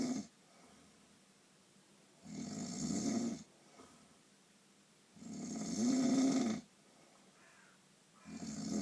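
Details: Loud, rattling snores on inhalation with quiet pauses, roughly 20 breaths a minute, during a painful night's sleep.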